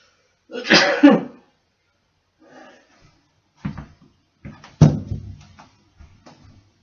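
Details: A person holding a broom sneezes once: one loud, explosive burst of air followed by quieter throat sounds and faint noises; afterward they set the broom aside and fix their hair in a mirror.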